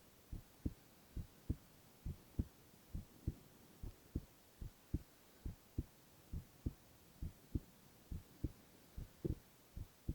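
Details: Male ASMR recording of his own heart: soft, regular paired thumps at about 70 per minute over faint hiss; normal heart sounds.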